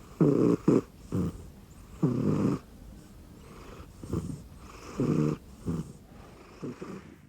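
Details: Sleeping rescue cat snoring on an arm pillow under a blanket: repeated short, rumbling snore bursts, some in quick pairs.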